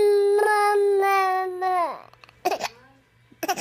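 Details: Tired baby boy crying because he has the hiccups; a steady high-pitched cry falling off into a whimper, then two short fussy sounds: infant cry.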